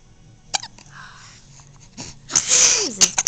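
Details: Young girl in the morning: a few sharp, sudden catches of breath with brief voiced squeaks in a quiet room; hiccups.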